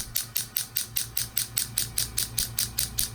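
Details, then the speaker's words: Low-level shockwave therapy on the right ankle for chronic pain, MRI-shown partial tear of a lateral ankle tendon with degeneration: rapid steady sharp clicking pulses, about 4–5 per second; shockwave device. "I also recommended several sessions of low-level shockwave therapy which is exactly what we're doing today"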